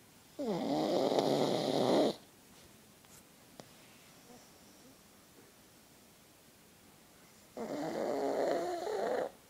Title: My pug alfie snoring